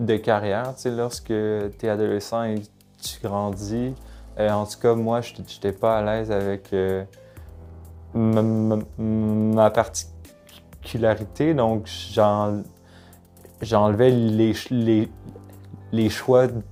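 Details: Person who stutters, uneasy about it as a teenager; stuttering.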